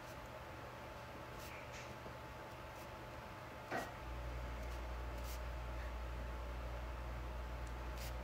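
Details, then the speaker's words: Knee crepitus: a single sharp crack over steady room hum as an adult squats; the person attributes the knee cracking to past baseball catching. "okay oh my knee did you hear that that was my knee cracking it does not all the time i think it was honestly from when i was playing baseball when i was younger"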